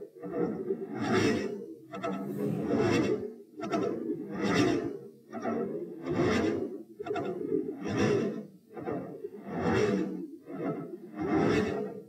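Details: Heart sounds recorded at position p and played in slow motion: a regular, drawn-out rhythm with a midsystolic click, an extra sound during systole.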